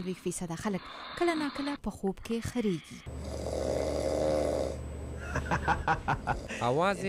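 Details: A long, rough, rattling snore with a low steady drone, with brief voiced sounds before and after; snoring.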